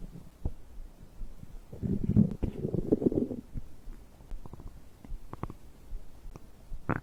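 Low gurgling rumbles and bubbling clicks from the belly after drinking; ordinary digestive bowel sounds.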